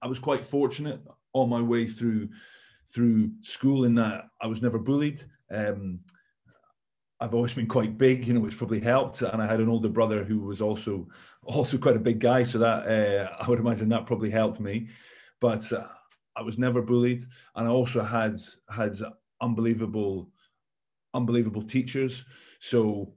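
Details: Stammering in an adult man, a former rugby captain.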